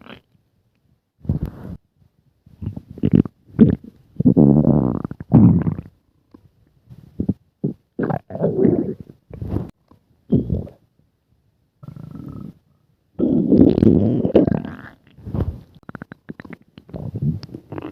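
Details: Repeated low gurgling and rumbling bursts, some long and bubbling, others short pops, from several people's stomachs; ordinary stomach growling (borborygmi).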